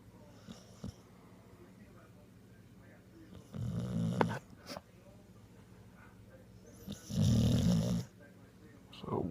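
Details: Sleeping pitbull puppy snoring only while the owner's hand rests on his neck without pressure, stopping when it is removed: two deep, rumbling, second-long snores a few seconds apart with light rustling.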